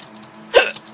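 A single sharp, abrupt hiccup over a faint steady hum; an involuntary catch of breath typical of hiccups.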